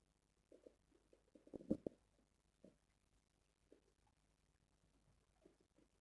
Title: Stomach growling sounds #1